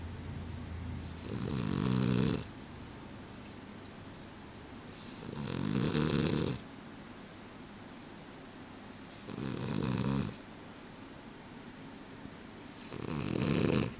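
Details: Sleeping dog snoring, then a sudden twitch: loud, rattling snores on each breath in, about 15 breaths a minute.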